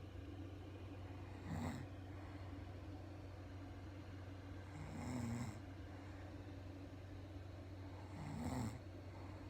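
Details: Sleeping wife who denies snoring: low rumbling snores on each inhalation, about 18 per minute, over steady background hum.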